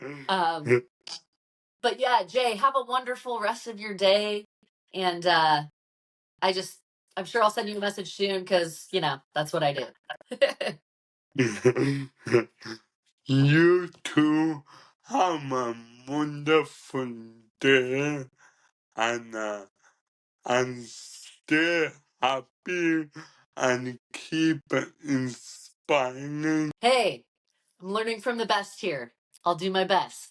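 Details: 27-year-old man with cerebral ataxia present from birth, diagnosed at 15, which he describes as degenerative and affecting his coordination, talking and movement; ataxic dysarthria.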